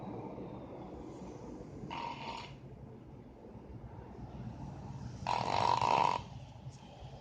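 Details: Snoring in a sleeping dog: two rasping, fluttering snores, the second louder and longer, over steady room hum.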